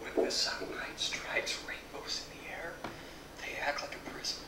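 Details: Man with abductor spasmodic dysphonia reading the Rainbow Passage at the end of a spasmodic dysphonia vocal clinic; abductor spasmodic dysphonia.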